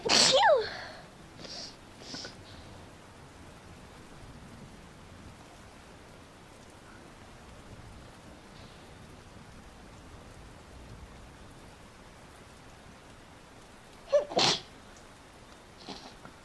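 A sharp sneeze, a few small sniffs, then a quiet stretch and a double sneeze near the end; repeated sneezing.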